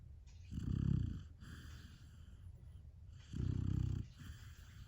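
Two low, rattling, fluttering breaths about three seconds apart over quiet background; a sleeping puppy snoring.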